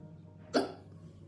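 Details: A single abrupt, voiced hiccup over a low background hum.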